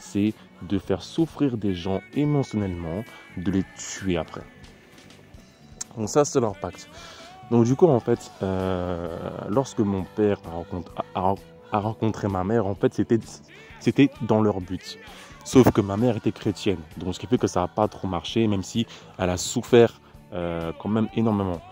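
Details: Stuttering in a French-speaking man who describes it as a terrible stutter and attributes it to witchcraft.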